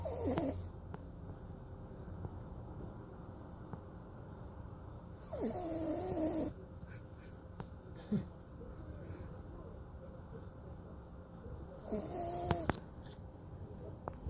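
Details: Maltipoo puppy snoring during an afternoon nap: soft snoring and snuffling, a few breaths with light noise between.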